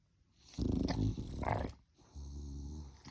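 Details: Puppy sleeping in its bed during a morning nap: low rumbling, rattly snoring, two snores about two seconds apart.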